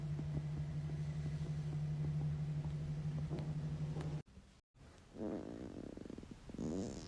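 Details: Blonde woman's stomach growling: low, steady rumbling, a brief silence, then bubbling gurgles from gas and fluid moving through the gut.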